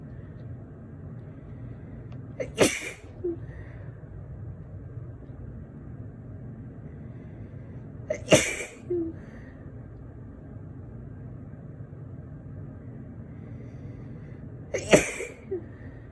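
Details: Person with a tickly nose for a couple of days, sneezing repeatedly, attributed to allergy; sneezes softer than usual: three sharp sneezes several seconds apart, each with a brief intake before.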